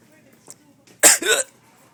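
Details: Hiccup with a cough-like catch: a sudden loud voiced gulp followed by a short throaty sound; person habitually coughs then hiccups right after when they have hiccups.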